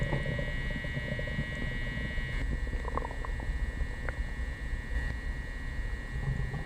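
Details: Loud, low churning rumbles with brief bubbling gurgles from an upset stomach after coffee and prune juice, recorded in 3D audio without the mic pressed to the belly: loud bowel sounds (borborygmi).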